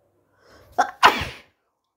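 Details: A single loud sneeze: a brief in-breath, then a sharp explosive burst of air.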